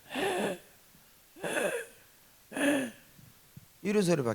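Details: Man imitating the sound his voice made after daily worship-leading damaged his throat; a doctor said it was beyond nodules, the vocal cords torn away; voiceless about a year to 1.5 years before recovery; imitated voice loss after vocal cord damage.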